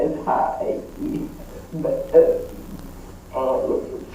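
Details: Woman with spasmodic dysphonia, words almost literally chopped in two by vocal cord spasms; spasmodic dysphonia.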